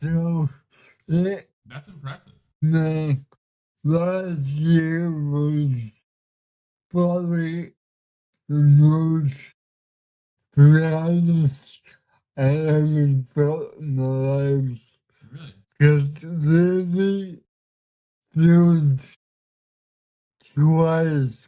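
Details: 32-year-old man with cerebral palsy, speaking in a real conversation; dysarthria.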